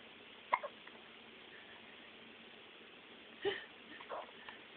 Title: Baby hiccups